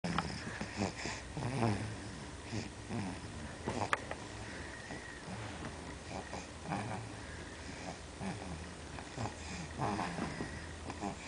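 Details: Repeated snuffling, rattling snores from a sleeping pet, steady through the clip in a quiet room; snoring.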